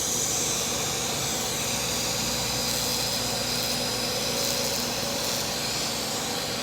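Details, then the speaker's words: Superficial Active FX UltraPulse fractional CO2 laser at high density (about 80%) after a 20% deep fractional pass, treating a female patient's facial acne scarring, pores and blackheads; steady loud hiss and rushing suction airflow with faint rapid ticking. "she's doing great with finessing this is called finesse lasering right now good for clogged pores and blackheads"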